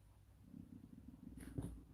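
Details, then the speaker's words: Adult's stomach rumbling (borborygmi): a low, continuous growling rumble with a brief louder gurgle near the end. "tummy's rumbling did you hear that it's like a growl rumbling away"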